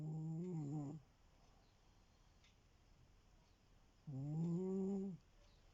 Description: Oliver is the laziest cat on the planet... And the noisiest of sleepers snoring is his forte.